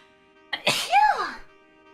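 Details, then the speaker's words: Single loud, voiced sneeze with a brief inhaled catch and falling pitch from a VTuber during her 2.0 model reveal stream, right after saying she was going to sneeze; faint background music. "Hold on. I'm gonna sneeze. Oh."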